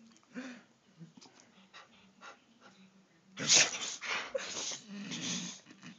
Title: My dog cant stop sneezing lol funny shit